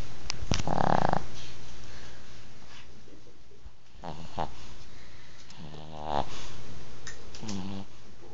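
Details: Short rattling snorts and snores separated by quiet stretches, with a few clicks and room noise; snoring.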